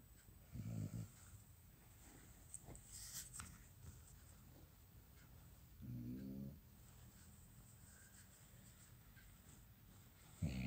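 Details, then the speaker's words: Snoring in a sleeping dog, Riva's first snoring: a few low, fluttering snores spaced several seconds apart in a quiet room. "Oh, that was Riva's first snoring."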